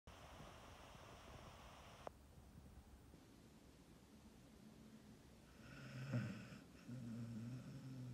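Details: Dog in deep sleep at lunchtime: soft sleeping breaths building to a low, rattling snore near the end; ordinary snoring.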